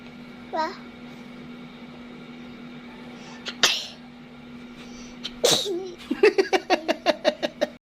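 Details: One-year-old girl sneezing while counting numbers: one sharp sneeze, then another, followed by a run of giggles, with room hum behind.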